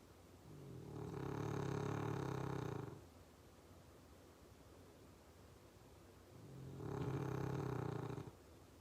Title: Snoring and twitching in his sleep. #dog #sleepydog